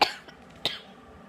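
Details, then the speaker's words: Two short, sharp dry coughs in a quiet room, from an adult who reports an irritated throat from road salt dust and more coughing than talking since going out that day. "it's like salt salt dust and I think it's like ruining my throat oh yeah I haven't the old stopped talking since I went out today not in my talking I meant coughing I've been doing more coughing than I've been doing talking"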